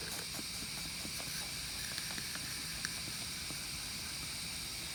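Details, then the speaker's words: Steady high hiss of suction with faint clicks as a catheter is withdrawn through a tracheostomy, in a nursing skills demonstration. "then on the way out I'm going to apply suction intermittently which means on off and I'm also gonna twist it between my thumbs you only want to apply suction for five to ten seconds okay and only on the way out so"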